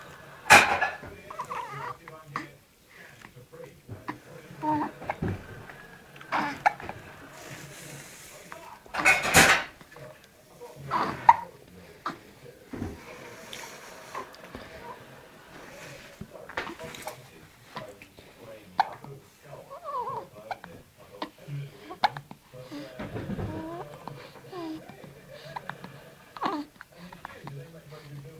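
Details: Hiccups in a 14-day-old newborn: short, abrupt hiccup sounds recurring at irregular intervals, with small fussing noises between them.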